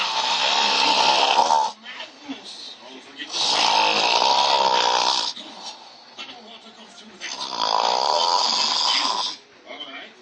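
Long, loud, buzzing snores in repeated cycles with quieter gaps, from a film or TV scene.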